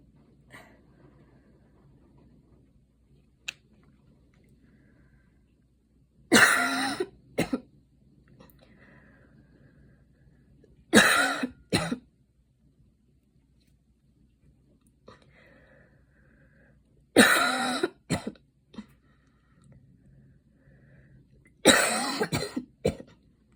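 Four bouts of harsh coughing, each a strong burst with a quick follow-up cough, after running.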